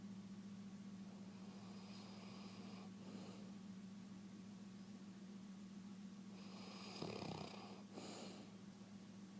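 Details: Light snoring while sleeping on a couch: soft snuffling breaths with a brief snort over a steady low room hum.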